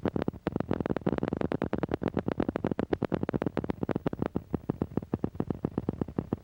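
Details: Needle EMG loudspeaker during voluntary muscle contraction: rapid, crisp clicking pops of normal motor unit potentials, normally 6–16 ms in duration and 0.5–5.0 mV in amplitude, with under 20% polyphasic.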